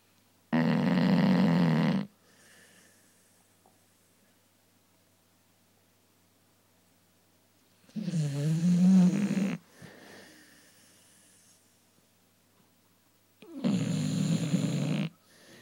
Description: My dog Macy snoring loudly during her morning nap.